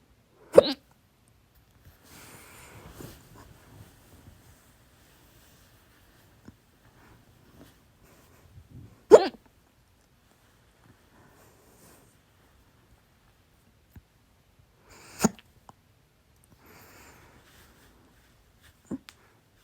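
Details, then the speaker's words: Recurring loud hiccups, four in about twenty seconds, roughly every five to six seconds, with quiet breathing between; the person believes overeating triggered them (three sodas, two plates of chips with salsa, a big meal the day before). "hat Schluckauf, weil ich zu viel gegessen habe."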